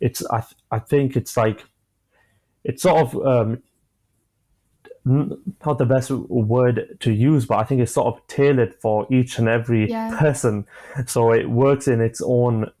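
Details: 25-year-old man with stammering (stuttering) since early childhood, which he says began after an asthma attack; he experiences blocks and manages them with breathing methods and pauses; stuttering.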